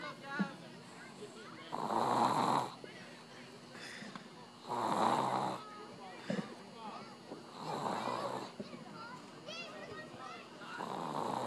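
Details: Sleeping baby snoring: soft rhythmic snoring sounds about every three seconds, roughly 20 a minute, with faint background noise; infant snoring.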